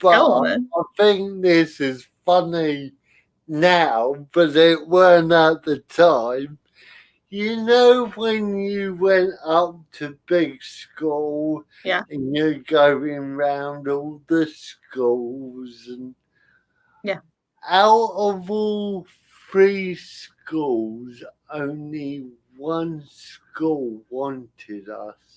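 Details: Adult male with spastic cerebral palsy affecting limb control and speech; dysarthria (spastic cerebral palsy).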